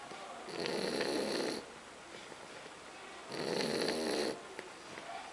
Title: ronflement bouledogue français 打鼾的法国斗牛犬 snoring French bulldog フレンチブルドッグのいびき